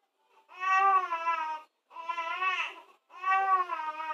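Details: Infant crying during tummy time: three rhythmic, tonal, wailing cries with brief pauses for breath.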